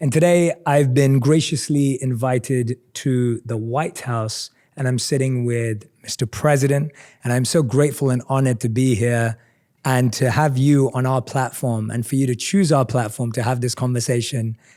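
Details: Adult man speaking; typical speech.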